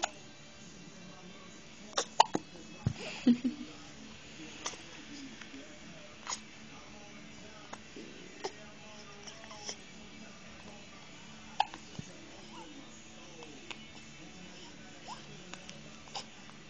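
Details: Baby hiccups: small, abrupt catches repeating irregularly, with soft music and an adult voice in the background.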